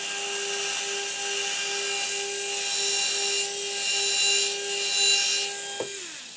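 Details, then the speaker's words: A 1.2 mm pilot drill is angled along the ridge and pumped in and out to cut implant osteotomies on a model upper maxillary arch for SATURNO narrow-diameter implants; steady motor whine with rhythmic pulsing. "now first step is we go ahead and take our 1.2 millimeter pilot drill with the proper angulation i'm going to angulate here following the ridge morphology and slowly pumping in and out allowing for nice proper implant position"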